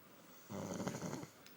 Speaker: Now, watch what Ryan does. Ready? 1, 2, 3, go. And still snoring.